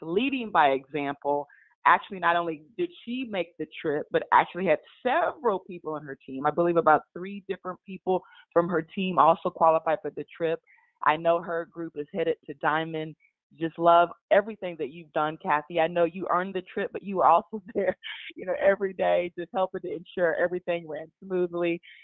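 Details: Adult woman speaking; normal voice.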